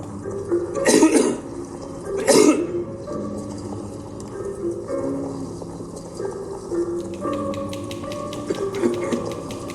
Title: faroe coughing